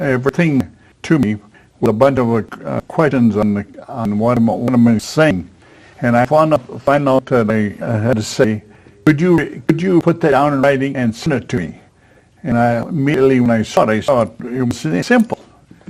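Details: Man with aphasia after a stroke at age 73, previously in a professional career, attending an aphasia conversation group with a speech-language pathologist; real patient speech showing aphasia.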